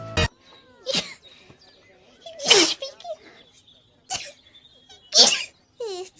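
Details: Run of several sharp, hissing sneezes in quick succession, with short vocal sounds between them, from a VTuber during a livestream; sneezing.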